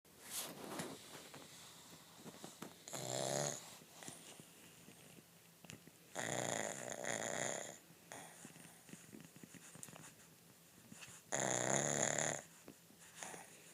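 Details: Pug asleep in the dark: loud, rattling, wheezy snores roughly every four seconds with quiet snuffling between; snoring.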